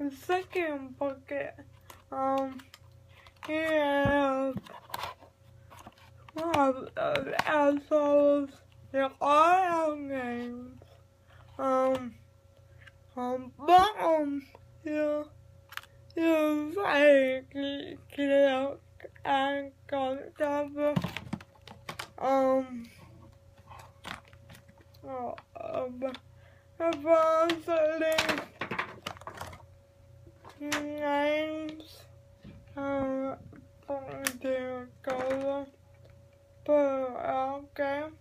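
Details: Adult speaker; dysarthria (cerebral palsy).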